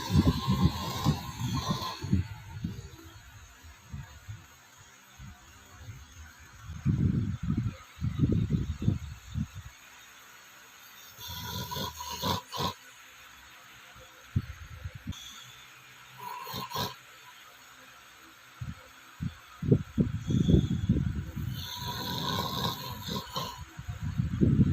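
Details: Several sleepers snoring together: loud, low, rumbling snores in irregular bursts separated by quieter stretches.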